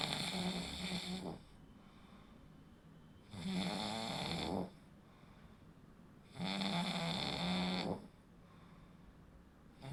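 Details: Snoring during sleep: three loud rattling snores on breaths in, about 18 a minute, with quiet breathing out between.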